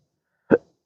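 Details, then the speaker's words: Intractable hiccups since December 2015 after surgery with nerve damage (injected pudendal nerve, phrenic and vagus involvement), episode just starting, on a rooftop at sunrise: a single abrupt, voiced hiccup in silence. "One of them a couple years ago. The higos are kind of just starting."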